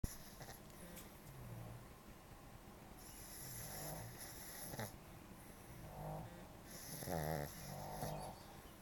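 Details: Sleeping Shih Tzu dog Chloe snoring: soft, rattling snores, several low snorting breaths with faint whistling over quiet room noise.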